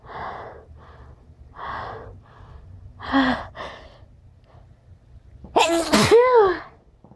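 Several sniffs and breaths, then one loud, voiced sneeze near the end; an ordinary sneeze.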